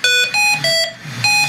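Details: Repeating pattern of high-pitched alarm tones from a Hamilton ventilator, an oxygen supply failure alarm, during a paramedic training demonstration.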